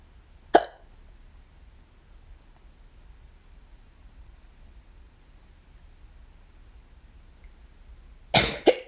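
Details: Hiccups recorded at home alone, the first of several bouts that day: three sharp, abrupt hiccups, one early and a quick pair near the end, in a quiet room.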